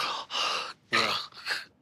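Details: Gasping after apnoea.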